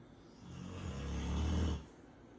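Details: A single low, rumbling snore on one breath, rising and then stopping, while two people sleep; snoring.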